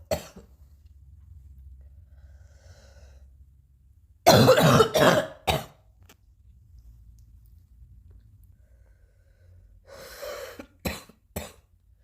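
Two short clusters of coughs, about five or six in all, separated by quiet breathing; a plain repeated cough.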